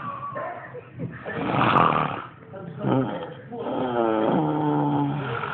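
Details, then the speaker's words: A sleeping person snoring badly: loud, rough, rattling breathing sounds with a drawn-out voiced groan, heavy snoring. "all right look JJ snoring his ass off yo got to cut the light on and catch him"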